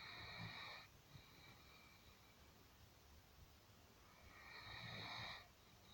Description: Ambrose is a typical Great Dane. Big snores and no personal space